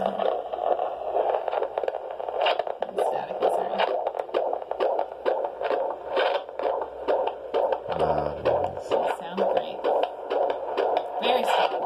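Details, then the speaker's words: Fetal Doppler at 36 weeks, baby boy: rapid, steady whooshing fetal heartbeat counted at 131, 128, 140 and 133, about 130 a minute, normal fetal heart tones. "131, 128, 140, 133. Sounds perfect."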